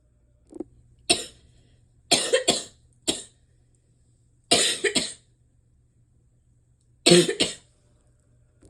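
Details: Self-recorded cough of a person with asthma, allergies and chronic bronchitis during a likely respiratory illness: five short bouts of harsh double or triple coughs with a loose congested edge, a wet chesty cough.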